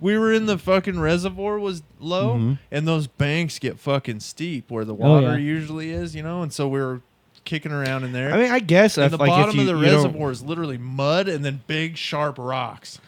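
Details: Adult man speaking; typical adult male speech.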